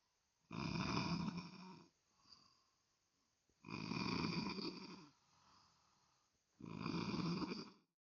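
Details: Extremely loud snoring that disturbs others' sleep: harsh, loud snores on each breath in, with softer breaths out between, about 20 breaths a minute.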